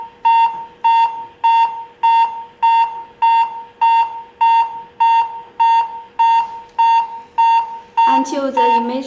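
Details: Portable automated external defibrillator (model RC-AED7000) demonstration: steady electronic beeps at about 100 per minute, then a recorded voice prompt guiding chest compressions during CPR; AED CPR metronome prompts.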